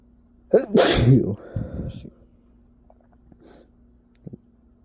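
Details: Single forceful sneeze with a sharp intake, explosive burst and brief trailing breath in a quiet room; sneezing attributed to allergies.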